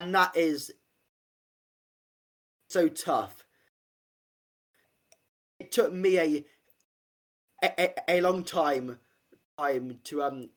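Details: Adult man who has had a stammer since about age five; stuttering.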